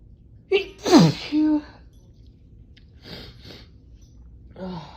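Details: Adult with morning allergy symptoms, watery eyes and a blocked left nostril, cause unknown: sharp inhaled catch, then a loud sneeze with a voiced trailing cry, followed by quieter sniffs; allergic sneezing.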